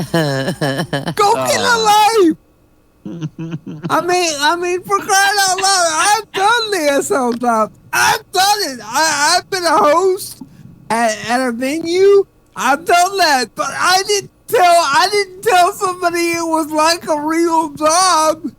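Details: Male comedian who attributes his speech to cerebral palsy; dysarthria (cerebral palsy).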